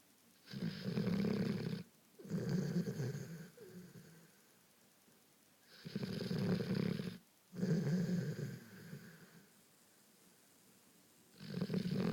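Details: A golden retriever sleeping on a couch, snoring like a human: deep, loud, rumbling snores in paired bursts, each with a softer tail, separated by quiet gaps.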